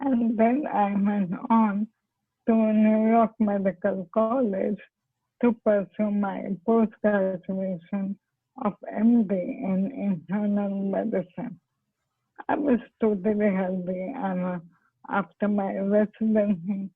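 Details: Dysarthria in ALS (motor neurone disease); the patient is a doctor who has ALS herself and attributes her impaired speech to the disease.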